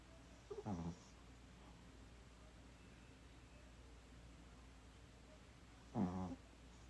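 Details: Two short, buzzing snorts several seconds apart over quiet room noise, light snoring from a small animal. Snoring.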